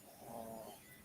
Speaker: anyway Peggy don't hear the hair dryer but do you hear the dog snoring